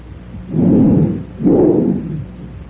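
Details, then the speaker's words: Two loud, hollow stethoscope breath sounds, louder and higher-pitched than vesicular, expiration longer than inspiration with a silent gap between: normal bronchial breath sounds. "bronchial breath sounds are louder and higher in Pitch than bicular sounds the expiratory sound lasts longer than the inspiratory sound and a silent Gap separates these two sounds"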